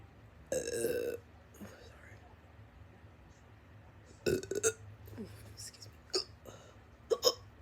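A long voiced burp, then several short abrupt gulping sounds in a quiet room; burping followed by hiccups.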